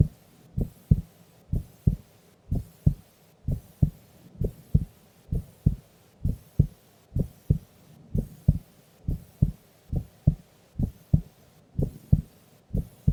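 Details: Female sleeping during an afternoon nap: regular lub-dub thumps, about 62 beats a minute, even rhythm; resting adult heartbeat.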